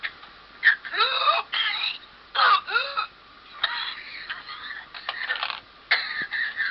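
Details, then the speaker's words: Whooping cough: bursts of repeated coughing, each followed by a high-pitched, crowing inspiratory whoop (the "gallito"), a sharp attempt to pull air in after the coughing fit. "Ese intento como por jalar el aire es a lo que se le llama como el gallito."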